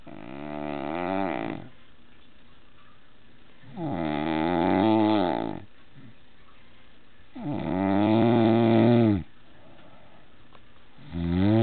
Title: Monster Snoring! lol :D